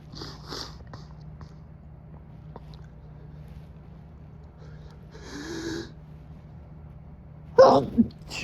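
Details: Quiet breathy sniffs and stifled bursts, then a louder forceful sneeze with a second burst; an adult man at 3 a.m. in a motel with air conditioning, nose itchy and runny from pollen, has an intensifying stifled sneezing fit.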